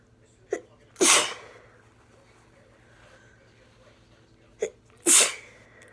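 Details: Two sneezes, each a short sharp intake then a loud explosive burst, in a quiet room; sneezing fits from a person with a cold, mostly uncovered, a few into a blanket.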